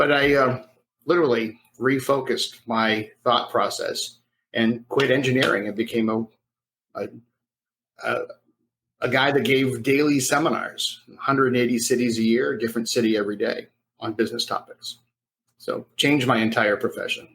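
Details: Stuttering with sound repetition in an adult man who grew up with a severe stutter and says he overcame it decades into his engineering career; he says most listeners no longer hear him stutter.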